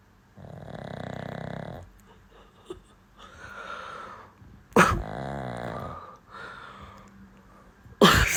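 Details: A white dog napping on a pillow snores loudly and rattlingly at about 18 breaths a minute, with a sharp snort-like noise between some breaths; snoring.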